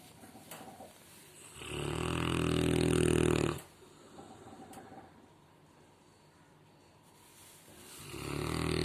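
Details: A person in deep sleep: a deep, rattling, low-pitched snore on the in-breath, a quiet breath out, then the next snore starting; slow, steady sleep breathing.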